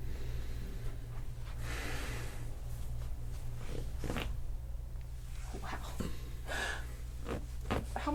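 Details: Joint cavitation (spinal cracking) during a chiropractic adjustment of the lower thoracic spine, with the patient taking a deep breath, in an adult with right-sided sciatica and lower back aches.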